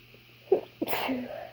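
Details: A quick inward catch of breath followed by one forceful, sharp sneeze.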